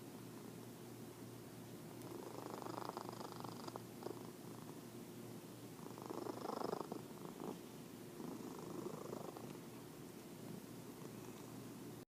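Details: Fat orange tabby cat asleep, snoring or purring.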